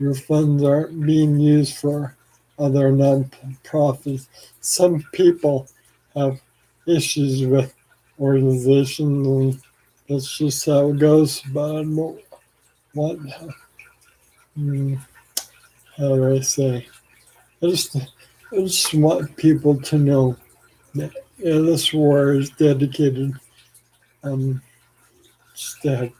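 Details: Adult man with ALS, 4 years after diagnosis and 14 years since symptom onset, with weakening arms and saliva and phlegm buildup; slurring speech, possibly hard to understand; dysarthria (ALS)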